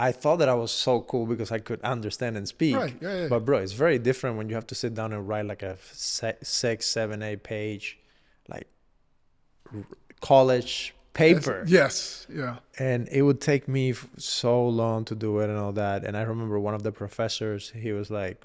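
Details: Adult male speaker; normal conversational speech.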